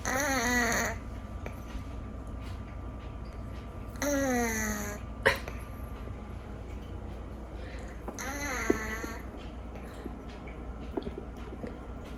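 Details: Rescued foster cat whose nose always seems slightly blocked, audible even when awake, snoring louder than usual: three slow, whistling, squeaky breaths about four seconds apart in a quiet room; snoring with a nasal whistle.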